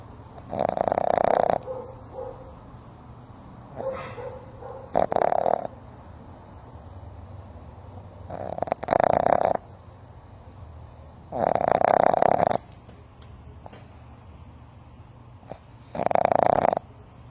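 Rhythmic rasping breath sounds, about 17 a minute, with quiet gaps between; a sleeping puppy snoring.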